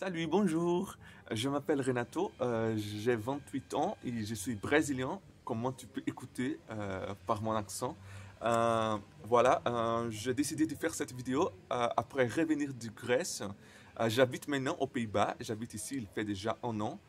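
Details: Man who stutters, speaking non-native French; he says his stuttering very often involves silent blocks; stuttering.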